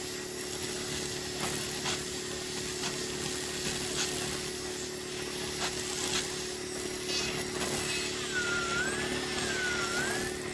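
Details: Male patient with a very involuted ingrown toenail and nail bed damage that receded after years of overcutting: steady whirring, grinding podiatry nail drill with scraping passes and pitch shifts as it smooths the toenail.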